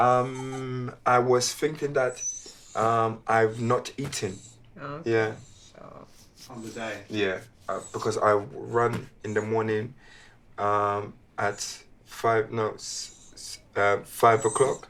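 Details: Aphasia in a man after a stroke at age 36, initially severe; good physical recovery but persisting word-finding difficulty and hesitant fluency; aphasia after stroke.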